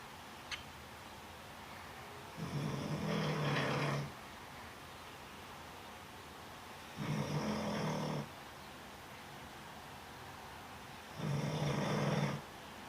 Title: my snoring granddogs.